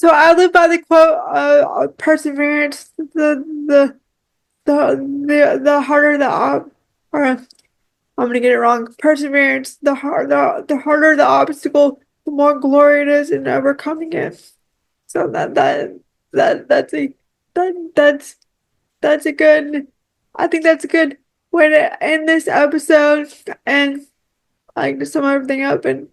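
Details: Speech of a woman with cerebral palsy who relies on one arm and uses a power wheelchair.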